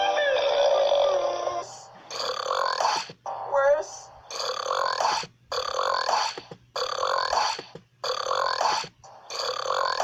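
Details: Burping: about eight loud, drawn-out belches in quick succession, each under a second, with a low background hum.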